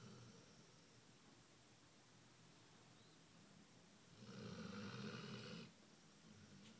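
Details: Basset hound asleep: quiet, low rumbling breath noise swelling into one louder snore: ordinary snoring.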